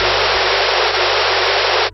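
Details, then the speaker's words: Steady, even hiss with no rise or fall in loudness: the unmodulated, zero-contrast noise stimulus of the Audible Contrast Threshold (ACT) hearing-in-noise test, the low-contrast counterpart to its strongly modulated stimulus. "言い換えればコントラストのないノイズです"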